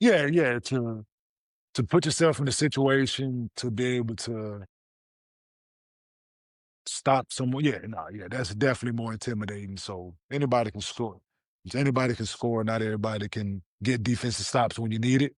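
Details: 47-year-old man, a former professional athlete, with stuttering since childhood.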